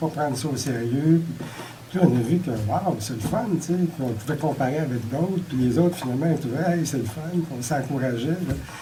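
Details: Adult speaker; normal speech.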